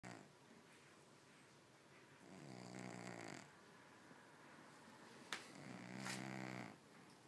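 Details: Soft, buzzing snores with each breath, roughly every three and a half seconds, in a quiet room from a sleeping cat that doesn't appreciate being woken up.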